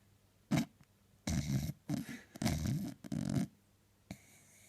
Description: Our wee jack havin a lazy sunday on the couch dreaming away x